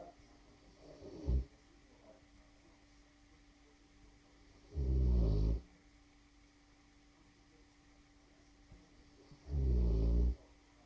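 Deep, rumbling snores about every four to five seconds, roughly 13 a minute, with quiet gaps between; heavy snoring in a large dog.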